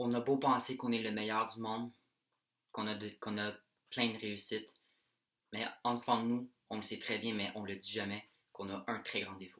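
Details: Young French-speaking male who has stuttered since age 7-9; speech therapy from November 2017 brought improvement, then relapse 3 years later; worse with anxiety and excitement, tries to ignore it while filming: stuttering.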